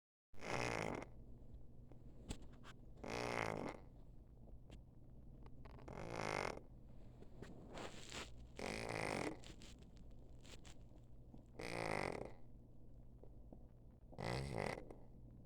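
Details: Stertor in a former stray cat with an inflamed pharynx and lymph nodes, feline leukemia and a heart tumor, on antibiotics and steroids: loud, low, snore-like rattling breaths about 22 a minute.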